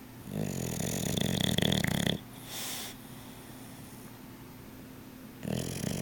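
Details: Dog sleeping on a couch gives long, low, rattling snores on the in-breath with quieter pauses between; snoring.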